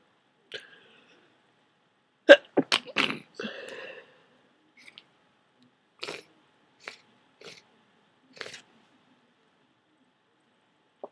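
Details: Person with a cold, very congested with thick, dripping snot, holding off blowing the nose: a quick series of sharp sneezes followed by wet sniffling; sneeze.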